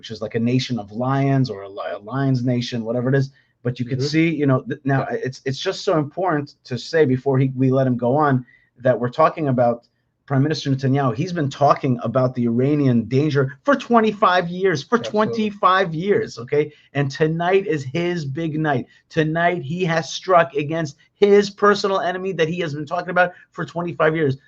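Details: Adult male commentator; Normal speech.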